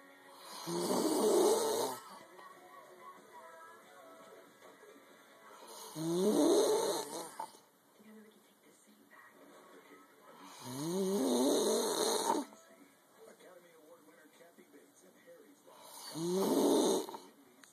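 Regular loud rasping breaths, about 12 a minute, with quiet spells between them and faint music behind. Steady snoring in sleep.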